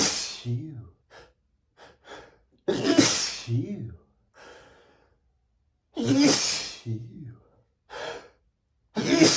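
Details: Male sneezing, from 100+ sneezes recorded on the same day: about three sharp, explosive sneezes with quick breaths in between.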